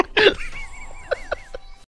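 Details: Hiccups: a loud throat burst, then several brief sharp catches typical of hiccups, with a faint tonal background sound.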